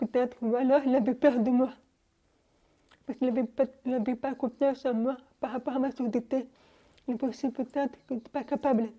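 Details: Young French-speaking woman, deaf since birth, wearing hearing aids since birth and recently new ones, speaking orally while lip-reading. Speech of a person deaf from birth.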